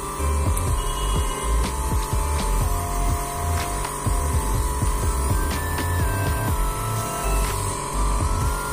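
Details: Steady low mechanical hum and throb of a small battery-powered portable compressor nebulizer running continuously, with the mouthpiece fitted in place of the mask.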